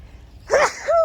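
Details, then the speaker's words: Adult woman gardening outdoors while honeysuckle blooms, which she says makes her sneeze a lot: one loud sneeze with sharp intake and explosive release, then a brief voiced sound. "fun fact when it comes to allergies not much bothers me outside except for honeysuckle when honeysuckle blooms i sneeze a lot"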